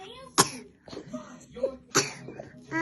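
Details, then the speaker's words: Cough from a young child said to have a cough but not to be poorly. "you got a cough yeah that doesn't mean you're pooling yeah Harry's got a cough as well hasn't he yeah and yeah"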